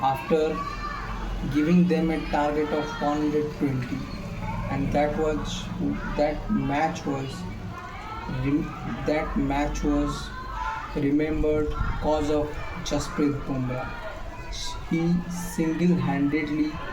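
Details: Male speaker who says he stammers; stuttering.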